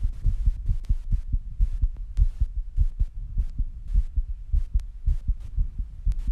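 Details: Very fast heartbeat sounds with heavy breathing, recorded right after rebreathing and squats: rapid heartbeat after exertion.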